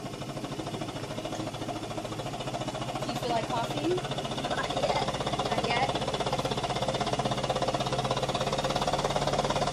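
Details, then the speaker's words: Female patient relaxing and taking slow deep breaths, coached to cough as needed, during high-frequency chest wall oscillation airway-clearance therapy. Steady, rapid mechanical buzzing pulses from the air pulse generator inflating the chest vest. "you should cough when you need to and if it if it is hard to cough with the machine running let me know and I will turn it off"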